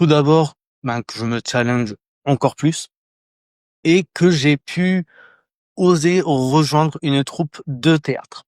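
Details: Adult French speaker who stutters, a candidate in a 2024 eloquence contest for people who stutter or clutter. Stuttering.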